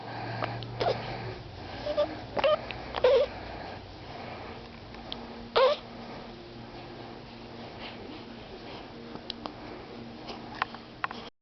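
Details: Awake infant with hiccups: several brief, abrupt catching sounds at irregular intervals with soft breathing and low room hum.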